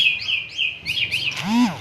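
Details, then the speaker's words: Songbird that had a cough, after treatment with Kanabiotik: its voice has recovered, with clear, bright chirps and a rising-falling whistled call and no coughing or clicking; normal birdsong. "nah ini burungnya sudah pulih kembali suaranya kita bisa melihat ya"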